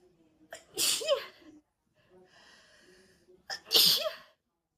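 Two loud, hissing sneezes, each led by a voiced catch of breath, with quiet breathing between them. Part of a sneezing fit.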